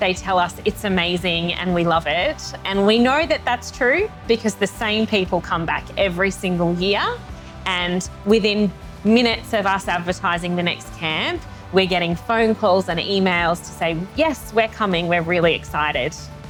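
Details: Adult woman speaking; normal fluent speech.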